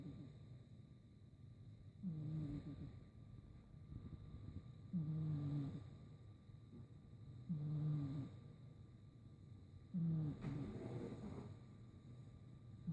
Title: How loud does my cat snore!